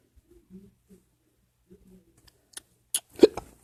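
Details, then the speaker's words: Adult gamer gets the hiccups while playing and complains he hates them; soft voiced catches followed by several sharp, abrupt hiccup bursts. "oh I got got the hiccups oh H I don't like the hiccups I honestly could say I hate the hiccups I can not stand them"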